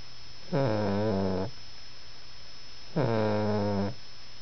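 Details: Person snoring: two drawn-out, low, tonal snoring sounds, each about one second long, over a steady background hum.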